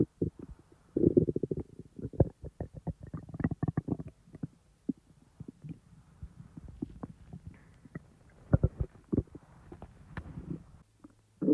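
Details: A person's own real stomach sounds, recorded not in real time: irregular gurgles, pops and low rumbles from the belly, normal active bowel sounds (borborygmi).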